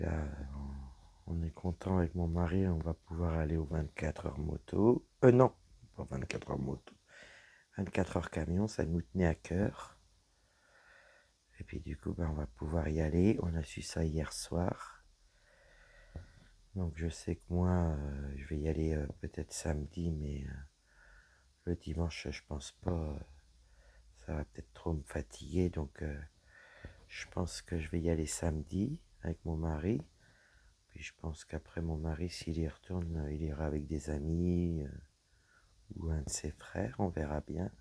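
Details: Woman whose vocal cords were damaged by a serious health problem; she reports her voice is now deeper than before, at times she has little voice, and she cannot speak loudly. Dysphonia with lowered pitch.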